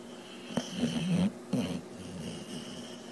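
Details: Snoring during sleep: soft, rough snores with a couple of rattling breaths over a quiet background hiss.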